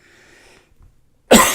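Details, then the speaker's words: Person with phlegm in the throat: a single loud, harsh, wet cough after quiet room sound; cough. "Well, I have some phlegms in my throat right now that make me cough."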